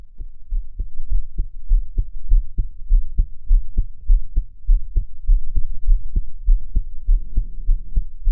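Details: Heartbeat recorded while crying: steady low heartbeat thumps at about 100 beats a minute, a mildly fast rate.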